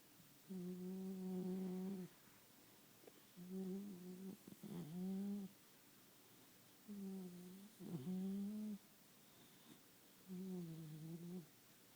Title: Stafford puppy sleeping and snoring